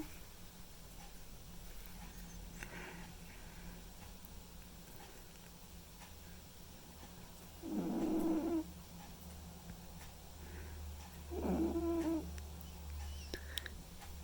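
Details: Snoring from Mimi, a white and ginger male cat, asleep: two low, rattling snores a few seconds apart over a steady background hum.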